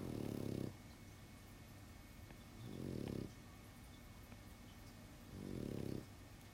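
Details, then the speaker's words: Low rattling snores repeat about every 2.5 seconds over steady room noise; a small dog snoring in its sleep in the background. "Yeah, if you're coming in late, that sound in the background is my dog snoring. Is it really annoying? Or is it just, it's just there?"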